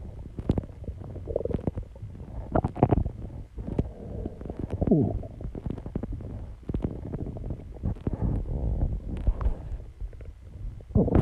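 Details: Own recording of stomach growling: continuous low rumbling and gurgling with bubbling pops and rising squeaks from gas and fluid moving through the gut; borborygmi.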